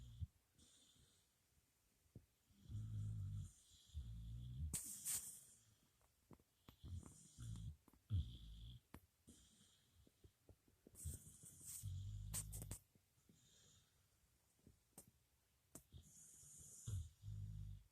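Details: Lucy the puppy snoring: repeated low rumbling snores alternating with soft whistling and snuffling breaths, in clusters about every two seconds.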